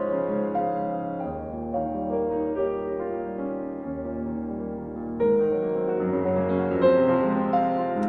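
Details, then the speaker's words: Clear solo piano with rich, full tones, played as a comparison sample of music as heard with typical hearing, contrasted with cochlear implant input. "The first example that you heard is what music would sound like to a person with typical hearing ability."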